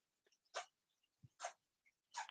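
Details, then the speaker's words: Three quick, sharp sneezes from a sick pet rabbit on antibiotics, with a runny tummy and a nose that needs cleaning, each a brief hissing snap of air. "you hear him sneezing he's really sick all right baby scooby"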